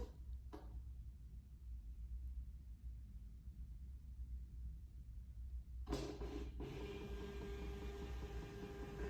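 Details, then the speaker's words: Quiet room hum, then mechanical whirring as a TempusPro monitor's printer runs out a 12-lead ECG strip after start and record is pressed, during in-service training. "Now, once I press the start and record button, that is what's capturing that 12 lead. That's when you'll hear it print out the back."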